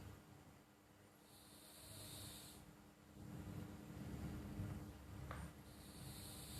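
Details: Pet cat asleep: faint, soft hissing breaths with a slight snore over room hum; harmless sleep snoring.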